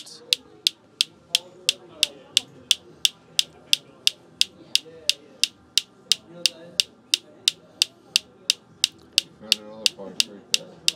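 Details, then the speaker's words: Focused shockwave unit that uses a water tank to make the shock wave, firing sharp, evenly spaced clicks at about 176 a minute while treating the sides of the heel for heel pain with Achilles swelling; faint room noise. "using a tank of water to actually create that shock wave that's then traveling through as opposed to the other unit that uses basically a magnetic bullet and a contact with a Titan tianium or a steel plate this is a little bit different"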